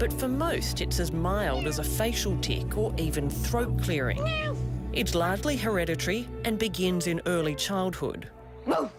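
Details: Adult narrator; typical speech.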